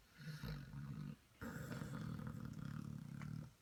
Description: Basset Hound Puppies snoring